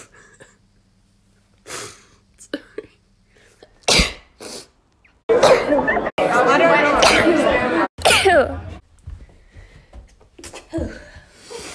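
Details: Daughter sneezing: sharp explosive bursts, one drawn out and loud, with quieter breaths and throat noises around them.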